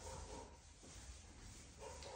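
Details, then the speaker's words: Warmed stethoscope placed at the epigastrium (pit of the stomach): soft, brief gurgles over a low rumble, expected frequency about 5 to 34; normal bowel sounds. "debemos comprobar la existencia o ausencia de ruidos hidroaéreos la frecuencia debe ser aproximadamente de 5 a 34 por"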